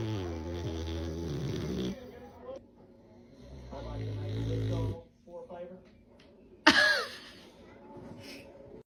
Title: #oldeenglishbulldogge #snoring #naptime #fok funny moments of bulldogs resting!